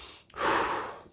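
One deep, audible sigh-like breath, imitated for teaching. This is sighing respiration (sighing dyspnea): occasional deep sighing breaths during stress or anxiety, after which breathing continues normally.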